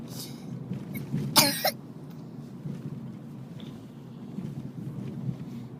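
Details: Sleepy child gives two short coughs, the second louder and voiced, over steady low room or engine hum: cough.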